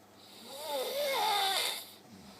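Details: Snoring after working 7 straight nights: a single drawn-out, rattling snore with a wavering whistly tone lasting about two seconds; snoring.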